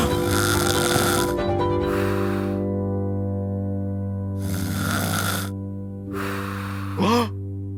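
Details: Loud rasping snore bursts over background music in a cartoon animation of a husband's snoring, ending with a whistling tone: staged snoring.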